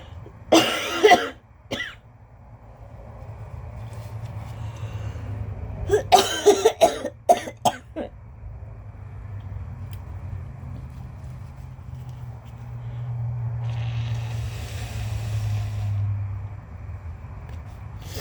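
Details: Intense allergy-related cough: two bouts of harsh, forceful coughing, the second a rapid run, with engine-like hum behind; person without asthma, diagnosed with mild lung damage as an infant.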